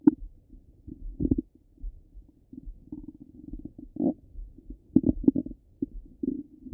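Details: Stomach rumbling: frequent gurgles, bubbling and low rumbles in irregular bursts; active bowel sounds of digestion.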